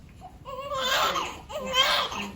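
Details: Two strong, clear wailing cries from a newborn baby boy just after labor and delivery; vigorous normal first cry.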